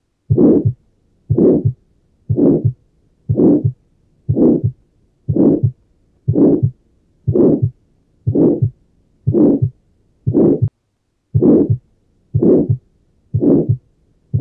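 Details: Tetralogy of Fallot heard at the pulmonary focus: regular heartbeat about 60 a minute with a harsh crescendo-decrescendo ejection systolic murmur and a single second sound, the pulmonary component being inaudible.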